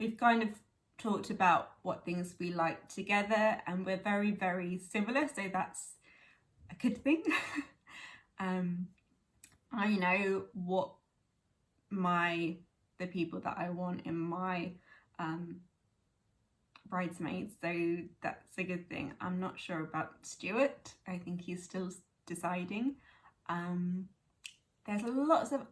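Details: Young woman with chronic aphasia from a stroke at age 18, now 11 years post-stroke, speaking conversationally; aphasia.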